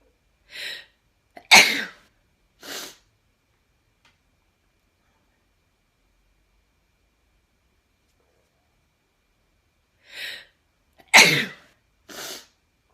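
Two sneezes, each a quick in-breath followed by a sharp explosive burst and a softer tail; synthesized induced sneezes.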